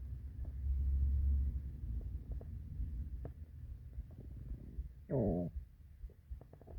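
Low, rolling rumbles end in a short squeaky gurgle: ordinary hunger stomach growling.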